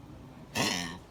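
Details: Kennel cough in an older dog on medication for about a week and now a bit better: a single short, harsh, hacking cough, less frequent than before treatment.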